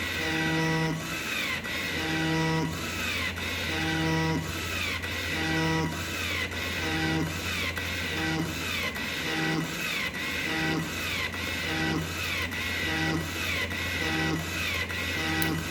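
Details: Steady motor hum with regular rising and falling whine cycles, about 36 a minute, from a DIY non-invasive ventilator built for COVID-19; the sound comes from the extension tube running without a mask on a patient.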